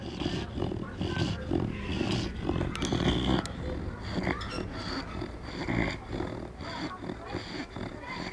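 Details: Bloodhound snoring while napping after a long day out: low, rumbling, rattly snores repeating with each breath.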